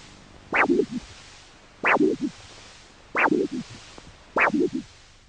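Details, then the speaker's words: Normal triphasic arterial Doppler signal from a healthy person's foot during a diabetic foot study with a Huntleigh Dopplex DFK handheld Doppler, probe pointing toward the heart: a typical phasic signal with three (or two) distinct beats per cycle. "you'll notice that it has a typical phasic characteristic now in a normal healthy person the arterial signal is said to be Tri or basic which means it has either three distinct beats or two distinct beats"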